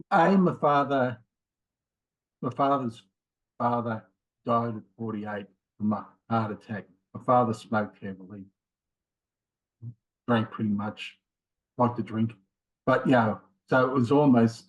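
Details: Man in his late 50s with mild aphasia after a left-sided ischemic stroke in January 2020, with difficulty both finding words and getting them started; also has a history of multiple heart attacks and rheumatoid arthritis; mild aphasia.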